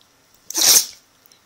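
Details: Phoebe sneezing: a single short, sharp, hissing sneeze.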